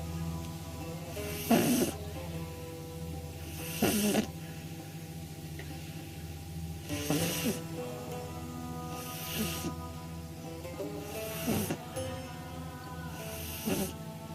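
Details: 9-week-old female pug puppy sleeping on her back with eyes rolled back: soft noisy snoring bursts every two to three seconds, with background music throughout; snoring.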